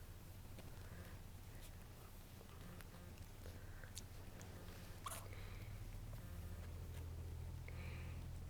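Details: Almost 3-week-old orphaned baby raccoon, the runt, with full belly after feeding: faint snuffles and squeaks over room hum, then one brief sharp tiny sneeze.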